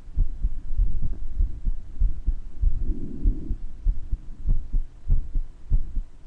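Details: Uploader's own heart murmur recorded with breath sounds: steady low heartbeat thumps with a faint rushing sound between beats and a soft breath partway through, the murmur clearer at some moments.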